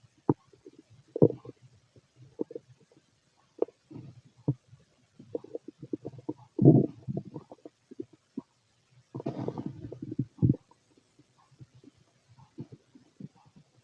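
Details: Bowel sounds from a fit male's stomach: soft irregular gurgles, bubbling and low rumbles in scattered bursts; ordinary stomach rumbling.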